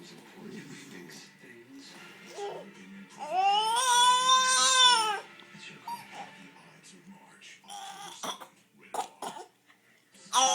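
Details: Infant makes very forced fake cough sounds after hearing grandma cough, plus a drawn-out vocal cry, with TV audio behind.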